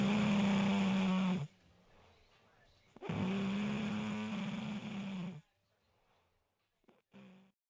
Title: Snoring